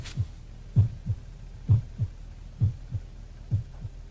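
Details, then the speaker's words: Regular low paired lub-dub heart sounds at about 65 beats a minute. "el médico está comparando los latidos de su corazón en reposo y durante el ejercicio"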